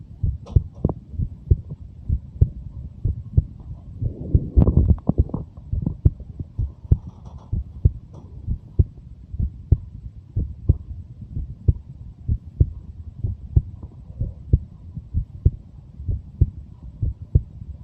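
A steady, low lub-dub heartbeat at about 62 beats per minute, with a brief rubbing noise partway through.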